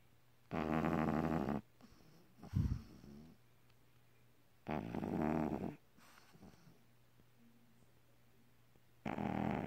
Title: Gishpa snoring!